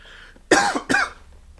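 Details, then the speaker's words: Adult cough during a live music stream; the speaker blames dust and colder weather and had tried to mute. "sorry I had to cough there I was GNA try and mute"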